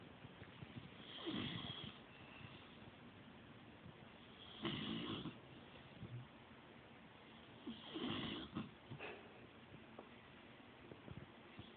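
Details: Male pet snoring while asleep in a feather-ball bed: soft, wheezy, slightly irregular snoring breaths about 18 a minute over quiet room noise.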